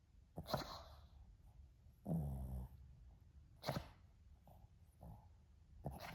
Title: Snoring Dog